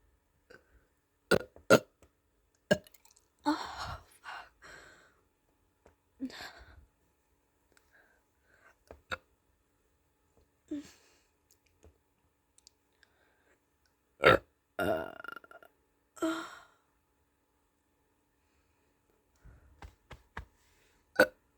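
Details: Repeated belches (eructation), some short and abrupt, some longer and rumbling, in a quiet room, from a person worried something is wrong with their burps.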